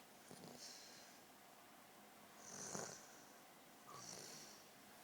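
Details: Snoring during sleep: soft, hissy, mostly airy breathing with faint snoring, three breaths in five seconds.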